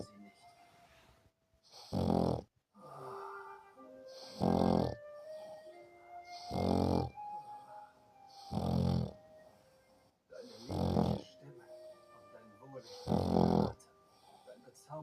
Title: Kleiner Schnarchsack